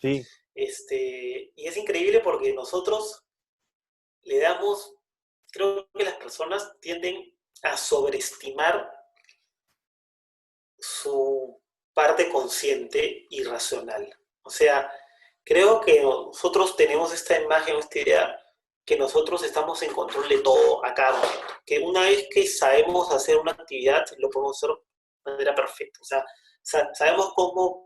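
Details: Stuttering in Spanish conversation between two adult men who both stutter.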